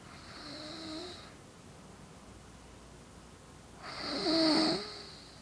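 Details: Two rattling, whistly snores on the in-breath, separated by a quiet out-breath, from an adult man (a father) snoring during sleep.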